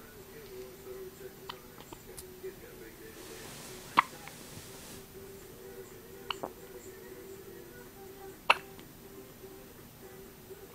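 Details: First hiccups, likely an infant: a few brief, soft, abrupt catches at irregular intervals in a quiet room.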